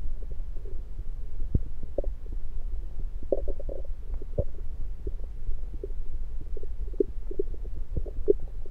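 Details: Stethoscope placed around the belly, mostly demonstrating placement: frequent soft gurgles and clicks over a low steady rumble; normal, active bowel sounds.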